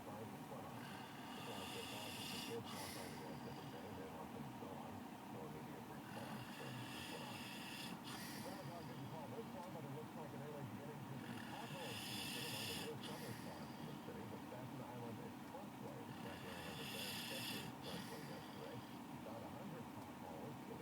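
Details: Heavyset man snoring heavily, with rasping, snorting snores about every five seconds (roughly 12 breaths a minute) over a steady background hum; snoring.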